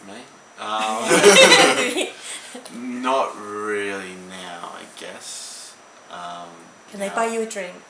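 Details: Teenage male in Australia who had an ischemic stroke at age 15 and lives with aphasia; hesitant speech with repetitions; aphasia.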